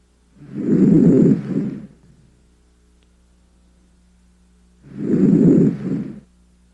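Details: Posterior chest auscultation with the stethoscope diaphragm while the patient breathes deeply through the mouth: two soft, low rushing breath sounds with a quiet pause between, normal vesicular breath sounds.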